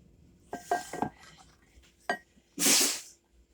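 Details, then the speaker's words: German shepherd with allergies sneezing in a kitchen during cooking: a few clinks, then one sharp, hissing burst of air. A single big dog sneeze. "did you hear that noise that was my german shepherd sneezing she has allergies too just we do"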